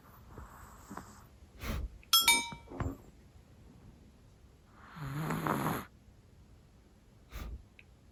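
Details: A sleeping Chihuahua snoring adorably loudly: irregular snorting breaths with one longer rattling snore, plus clinks from the room.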